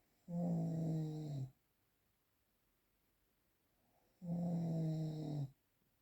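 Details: Real, unprocessed recording of regular snoring in a quiet room: long, low, rattling breaths about four seconds apart, each over a second, with quiet pauses.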